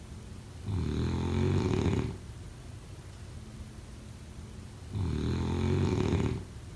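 Two coarse, vibrating snores on the in-breath, separated by a quiet breath out. Snoring.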